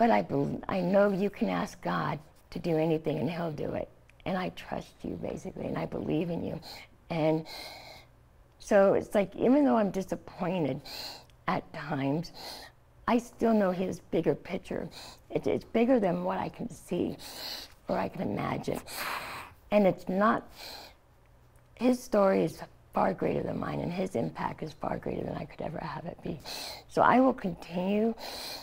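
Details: Adult woman, stage 4 epiglottic cancer survivor, treated with surgery, chemotherapy and radiation; scar-closed airway, open tracheal stoma covered by thumb to speak; partial glossectomy for tongue cancer, no teeth or saliva glands; tracheostoma speech with mild slurred articulation.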